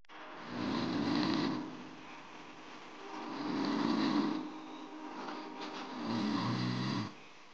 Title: Sering Mendengkur? Waspada 7 Masalah Kesehatan Ini! | Hidup Sehat tvOne